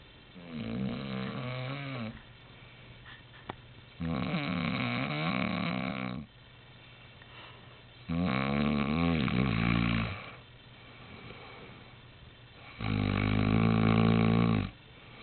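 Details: Dad snoring: loud, rattling snores on each inward breath, about 16 breaths a minute, with quiet gaps between.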